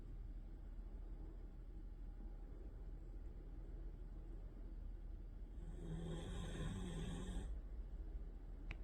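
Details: Sleeping Siberian Husky puppy on a weekend morning: a steady low rumble with a louder snoring breath near the end, room hum in the background; snoring.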